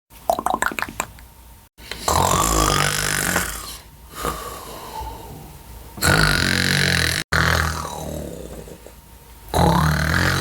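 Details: A mother's very heavy snoring: loud, rough, rattling low sounds in long drawn-out waves one after another.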